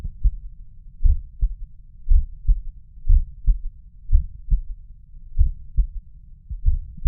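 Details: Low, dull heartbeats at about 60 a minute, with a soft extra low sound after the second heart sound, heard at the mitral valve area; a third heart sound (S3).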